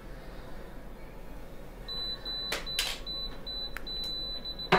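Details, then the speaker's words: Apex locator beeping in short repeated high bursts as the file is passed through and back from the apex of the mesiobuccal canal of a three-canal tooth during root canal length measurement in a young woman; about 18.5 mm, set at 18. "you see it's going through the apex locator is telling me i'm going through we go back go through we go back"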